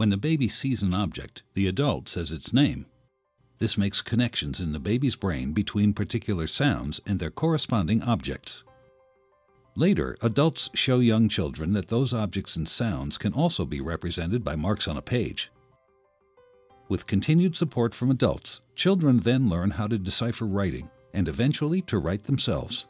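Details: Adult male narrator; normal speech.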